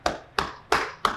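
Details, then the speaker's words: Cupped-hand chest percussion over the right upper lobe during postural drainage, trapping air behind the hand: four hollow, loud claps about three a second, for airway clearance. "'re going to use a cup hand and trap air behind our hand when we're targeting each of the segments"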